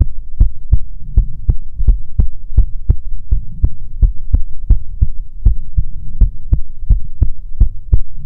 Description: As a thank you I wanted to give you all some soothing heart beats ♡